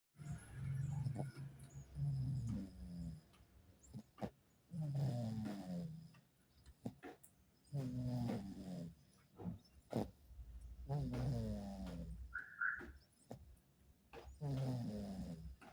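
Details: Deep, rumbling snoring, about 20 snores a minute and somewhat irregular, with faint music in the background.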